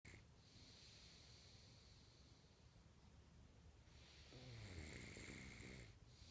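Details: Snoring during sleep, recorded in 2014: soft rhythmic breathing with a low, rattling snore on the later breath.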